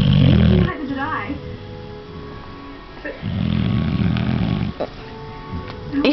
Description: My Bulldog Charlie Snoring Whilst Awake.